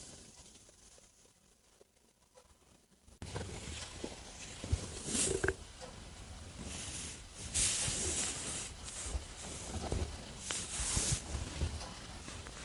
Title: Just my stomach rumbling after dinner while relaxing. #stomachrumbling